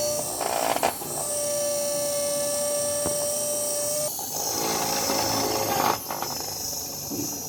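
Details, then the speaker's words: Implant pilot drilling on a 3D-printed patient model without pressure, to 10 mm depth: steady high-pitched surgical drill whine with brief stops and restarts. "So you have a drill like this. You will go in. Never apply pressure. Never apply pressure like this. Just go slow."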